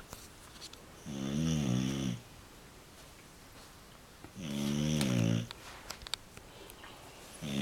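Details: Snoring during sleep: deep, buzzing, throaty snores on each inhalation, roughly every three to four seconds, with quiet room noise between.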